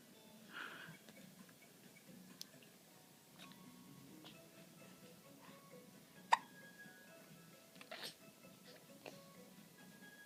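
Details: A 3-month-old infant watching a DVD gives a few soft, abrupt hiccup sounds over quiet background music; ordinary baby hiccups.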